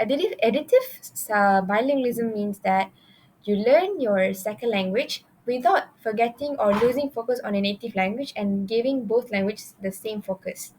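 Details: Adult woman; normal speech.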